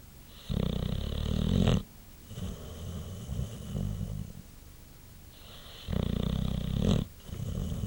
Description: My white boxer sleeping and snoring after a long day.